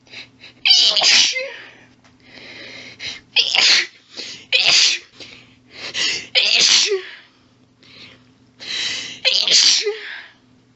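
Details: Female, about eight rapid, forceful, partly stifled sneezes in quick succession with heavy hitching, gasping build-ups: an intense sneezing fit that stifling seemed to worsen.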